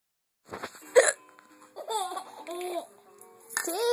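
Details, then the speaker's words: Person who says they have hiccups: a single sharp, abrupt hiccup breaks into laughter and voices. "not funny. I have hiccups."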